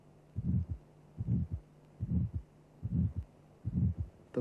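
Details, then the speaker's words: Ejection systolic murmur of aortic stenosis from a cardiac auscultation teaching programme, at about 73 a minute: a harsh, triangular crescendo-decrescendo murmur between the first and second sounds; the second sound is often diminished by a calcified aortic valve. "a triangular-shaped murmur occurring during the ejection period is referred to as an ejection systolic murmur"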